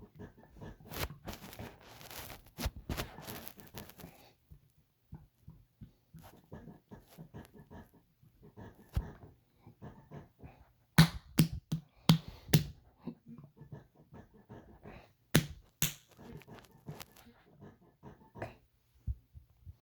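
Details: Own noisy stomach: irregular gurgling and sloshing abdominal noises with occasional louder pops and some background room noise. Borborygmi, loud stomach growling.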